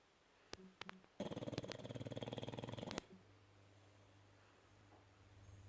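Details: A dog gives a single rattling, fluttering snore, preceded by a few soft clicks and followed by quiet: dog snoring.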